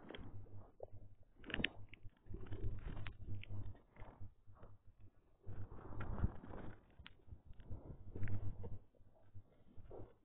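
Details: Low, gurgling, rumbling bursts of uneven length with quiet gaps, recorded while the stomach was growling; ordinary stomach growling (borborygmi).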